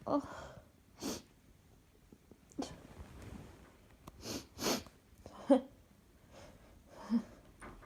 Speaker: sneeze. Oh gosh. I have to sneeze. I have to get one.